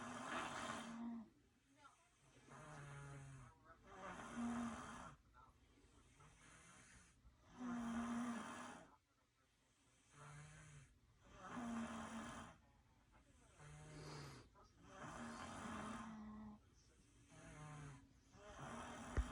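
Loud, rumbling snores from two sleepers who alternate, one lower-pitched and one higher, about 16 snores a minute.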